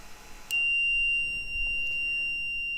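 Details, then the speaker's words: LTV (light transportable ventilator) pre-use check: switching the unit off triggers a steady high-pitched continuous tone, the ventilator-inoperative alarm, with the vent-inop light on, allowed to sound up to 15 seconds to confirm it works. "you can hear an alarm and you can see that vent in up light has become visible and we'll silence it silence it and we should we should allow that to alarm for up to 15 seconds just to confirm that that functions correctly"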